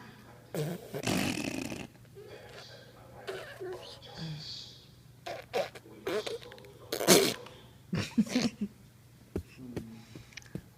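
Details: A child's sneeze: scattered vocal noises and puffs in a quiet room with one sharp, explosive burst near the middle.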